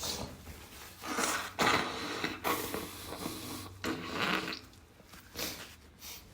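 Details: Sneezes stifled while trying to stay quiet: several muffled, held-back sneezes with hissing nasal bursts and quick breaths.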